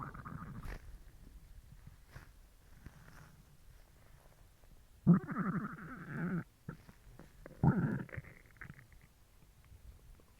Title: Stomach growl (I'm hungry)